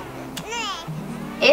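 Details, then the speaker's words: Newborn's brief, high, rising-then-falling cry made with the tongue on the palate from the sucking reflex: the Dunstan 'neh' hunger cry, meaning the baby wants to feed. "júri esse chorinho é o cheirinho que eles utilizam os reflexos da sucção então automaticamente a gente já sabe que estão pronunciando e sozinho dessa forma porque estão querendo mamar"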